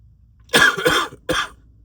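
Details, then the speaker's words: Sick adult with an ongoing cough, taking cough syrup, sniffly: two harsh, explosive cough bursts in quick succession, the first longer and rougher, in a quiet room. "But I have been coughing quite a lot this morning and as you can hear sniffly."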